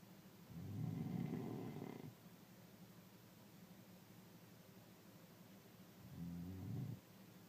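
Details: Snoring: two low, rattling snores on breathing in, separated by a quiet breathing-out pause, about 11 breaths a minute.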